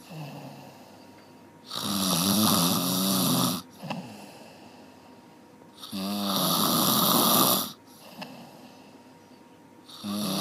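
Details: Long, harsh, rattling snores about every four seconds, roughly 15 breaths a minute, with quiet pauses between: loud snoring.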